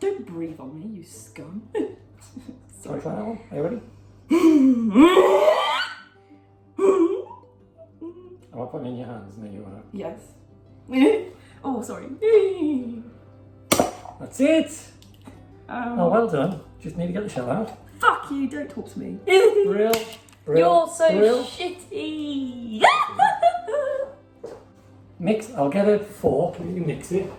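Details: Young woman with Tourette syndrome producing real, involuntary vocal tics; vocal tics (Tourette syndrome).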